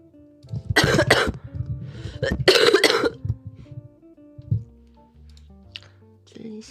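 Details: Person with a throat cold, coughing at every word, now improving: two loud harsh cough bursts with a throat clear over soft background music.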